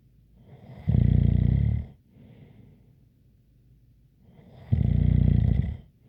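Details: Two loud, low rattling snores about four seconds apart with a faint light whistle and quiet breaths between.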